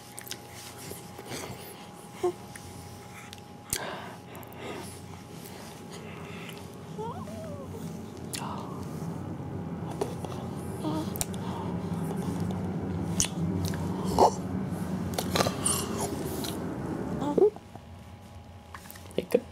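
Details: About 1-week-old infant hiccuping during play with father: about six sharp, abrupt catches over soft play sounds and room noise; infant hiccups.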